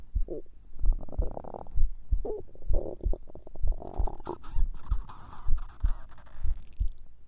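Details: Recording made during sleep for heart sounds: gurgling, bubbling rumbles over a steady soft thumping heartbeat; ordinary bowel sounds.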